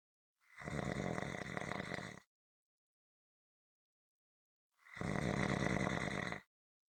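Two long, rough, fluttering snores with dead silence between them, about 14 a minute: snoring.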